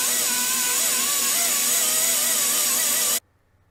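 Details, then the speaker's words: Low-speed dental handpiece, with the bur used dry, doing final refinement of a super veneer preparation after flowable composite build-up: a steady high-pitched whine with a wavering tone, then an abrupt stop. "I suppose you could also use a hybrid composite we're using this low-speed now to do our final refinement [Music]"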